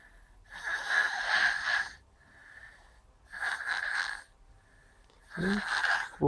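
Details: Cat snoring in sleep: whistling, hissing snores on each breath, roughly every two seconds; harmless snoring.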